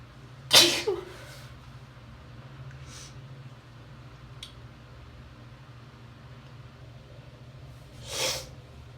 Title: Wet Hayfever Sneezes (F) Small Compilation